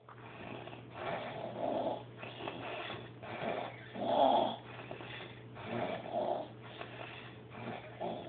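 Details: Person asleep on a couch: steady, rhythmic, rough snores on each breath, about one a second, over a low hum; ordinary snoring, not wheeze.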